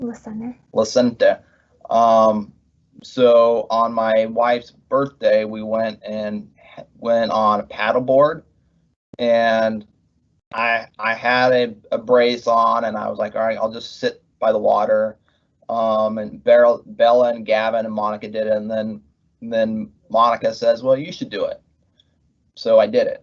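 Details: Adult male pharmacist, months into recovery from left-hemisphere ischemic stroke caused by internal carotid dissection, left with trouble finding and saying words; aphasia after stroke (word-finding difficulty).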